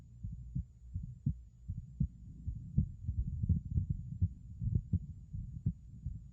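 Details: Stethoscope heart sounds: low, repeated thumps near 83 a minute with extra noise between beats; bicuspid aortic valve (BAV), an abnormal heart sound.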